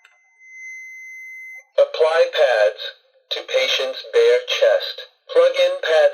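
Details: AED training unit in an adult and child CPR class, just after switching on with the green button: a tone, then a recorded voice prompting to apply pads to the bare chest and plug in the connector.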